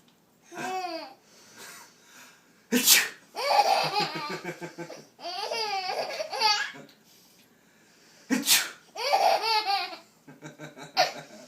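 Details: Father pretending to sneeze: two sharp, explosive simulated sneezes, each followed by a young child's bursts of hysterical laughter.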